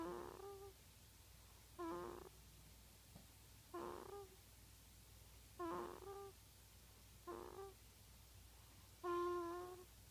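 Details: Sleeping newborn's noisy breathing, like baby snoring: six short, squeaky, tonal breath noises about two seconds apart, roughly 30 a minute, in a quiet room.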